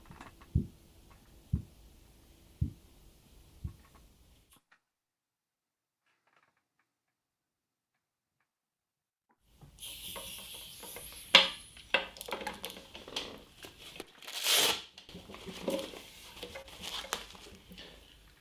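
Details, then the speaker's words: Korotkoff sounds heard while a medical student takes a patient's blood pressure: four soft, regular tapping sounds at about 55 a minute that fade to silence. "este vídeo y van a ver acá este estudiante de medicina está tomando en la presión a un paciente y se escuchan los ruidos de coros pongan atención a los sonidos del cuerpo"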